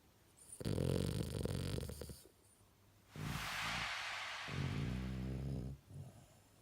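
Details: Sleeping dog (Madox) snoring: loud, rumbling, fluttery breathing with a long snore on inhalation and another on exhalation.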